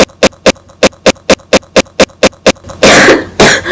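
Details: Person has a coughing fit while talking about E3 2014: a rapid run of short, evenly spaced cough bursts ending in two louder, harsher coughs.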